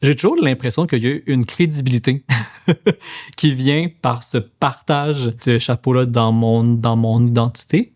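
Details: Stuttering in an adult man who works as a speech-language therapist; finding: stuttering.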